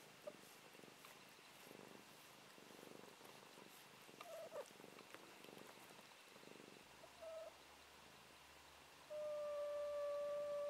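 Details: Sleeping fluffy pet cat, formerly feral: soft, rhythmic, purr-like breathing noises with brief squeaks and a steady tone near the end, snoring.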